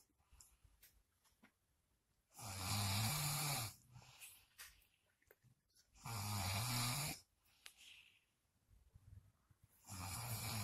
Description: Soooo in denial, but I got proof Baby....YOU SNORE!!! 🤣